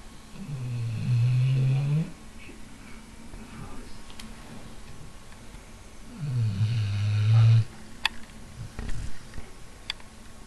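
Two long, loud, low rumbling snores on breaths in, with quiet breathing between.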